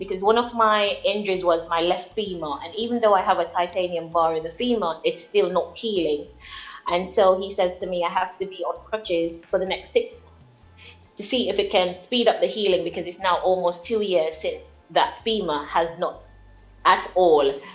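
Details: Jamaican woman with foreign accent syndrome after a car accident, coma and brain injury; MRI showed small brain swelling; diagnosed September 2019; accent shifted from American-sounding to Trinidadian to British-sounding; foreign accent syndrome.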